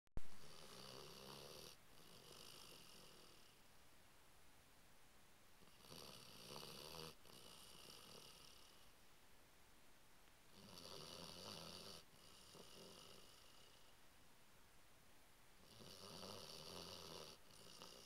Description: Our Bloodhound Ruby snoring.